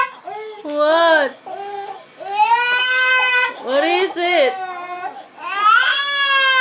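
Loud, wailing baby cry in rising and falling bursts with short catches of breath between them, in a small room.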